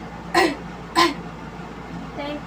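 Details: Nursing student return demonstration of deep breathing and coughing exercise, patient hugging pillow against abdomen for support: two deliberate sharp coughs then a softer breath; voluntary cough to clear lung secretions.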